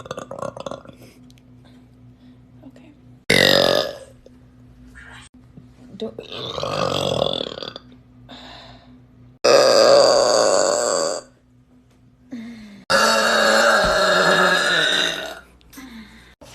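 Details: Compilation of loud, hot, gassy burps: several loud, drawn-out voiced belches separated by quiet gaps. Repeated burping (eructation).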